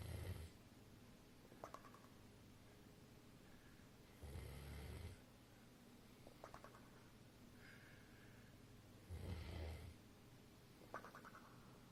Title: Checho snoring